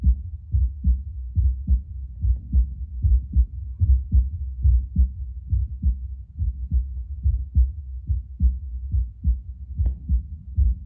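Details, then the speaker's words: Own heartbeat a few minutes after drinking espresso, through a Bluetooth Littmann CORE stethoscope: regular, stronger beats at about 70–75 a minute, occasionally spiking to 80–85 before settling; ordinary heart sounds. "So before pre- coffee it was like and then post coffee it was like you know stronger beats and then occasionally it would spike up for a second and then calm back down."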